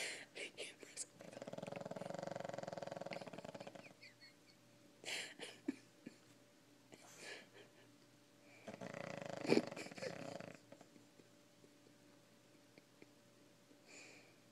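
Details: Pug snoring during a nap with his eyes open: irregular rumbling, snorting breaths with long noisy snores between quieter pauses.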